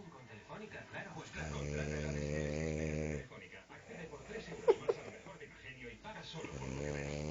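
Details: Sleeping French bulldog snoring, deeply asleep and twitching paws: deep buzzing rattles on the breath with quieter breathing between and a few faint snorts.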